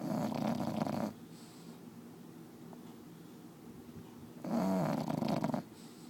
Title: Cookie the snoring bulldog